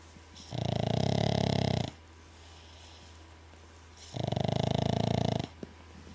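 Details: Dog snoring: two loud, vibrating snores, each about a second and a half long, with quiet gaps between.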